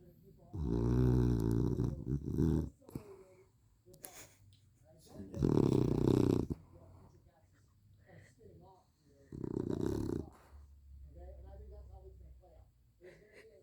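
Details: Sleeping dog snoring: loud, rough snores in three long bursts with quiet pauses between; snoring.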